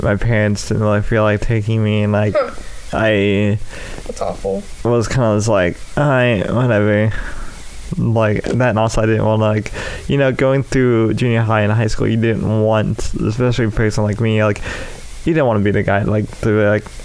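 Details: Speech impairment in an adult male with cerebral palsy affecting the right side of his body, including right arm and leg, which he says causes his speech impediment.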